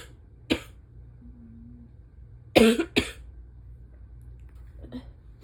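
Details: Adult with asthma just after waking on an early fall morning, with ragweed pollen still around; three sharp, harsh barking coughs in a quiet room, with a cat snoring nearby; morning asthma cough with sneezes.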